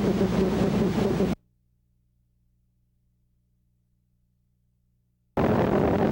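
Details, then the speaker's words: Needle EMG teaching example: dense, loud high-pitched buzzing roar in two abrupt bursts separated by silence; neuromyotonic discharges, sine qua non for Isaacs syndrome and familial continuous muscle fiber activity syndrome. "Neuromiotonic potentials are cena quanon for a diagnosis of Isaac's syndrome and familial continuous muscle fiber activity syndrome. Neuromiotonic potentials are also reported with spinal muscular atrophy, peripheral neuropathy and tetany."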